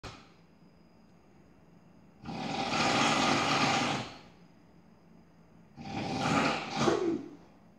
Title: Drill, Jackhammer, Chainsaw, or just the sound of snoring?